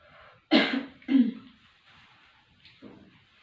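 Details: Two strong voluntary coughs in quick succession, then a quieter third, performed on instruction after three deep breaths in a nursing-school demonstration of effective cough technique with an adult female patient; any sputum is spat into a kidney dish.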